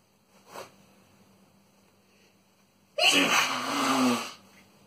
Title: Boyfriend's chinnkni sneezing fit